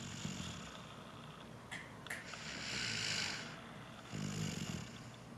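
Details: Animal snoring while awake, with a runny nose: soft, rough, snore-like breathing noises with a hissy, whistling edge.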